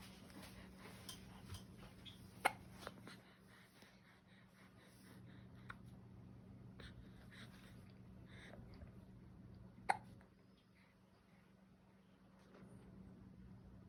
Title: New born baby with hiccups